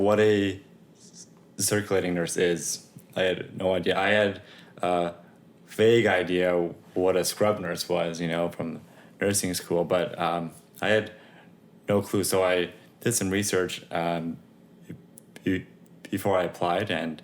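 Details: Adult male operating-room nurse who stutters, speaking spontaneously in a podcast interview; stuttering.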